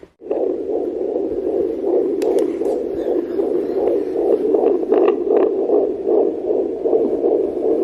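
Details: Home fetal Doppler at 15 weeks of pregnancy: rapid whooshing pulses through static, about 155 a minute: normal fetal heartbeat.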